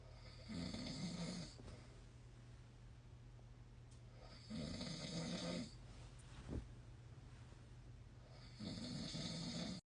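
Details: Nightly heavy snoring from a sleeping husband: loud, rattling snores on each in-breath, about 15 breaths per minute, over a steady low room hum.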